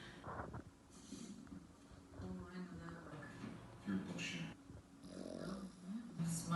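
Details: Pug snoring: low, rough, irregular, congested-sounding snorting and rumbling with faint room noise.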